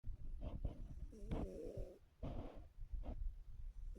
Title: Snoring cat